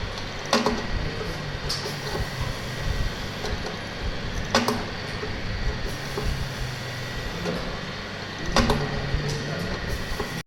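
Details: Working demo of a mechanical ventilator: steady machine hum with a sharp click and soft whoosh about every four seconds as it cycles.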